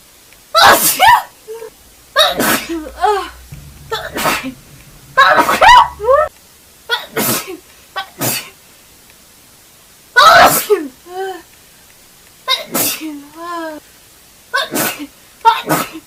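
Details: A red-haired girl has a sneezing fit: a rapid series of about ten forceful sneezes, several ending in a voiced 'choo', with brief pauses between.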